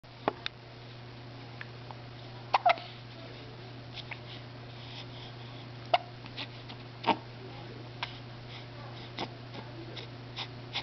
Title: Morning Hiccups